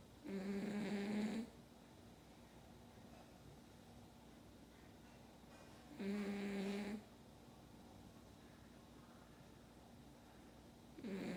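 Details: Snoring only: loud rough snores on each breath in, about 11 a minute, with quiet breathing out between them and steady room hum.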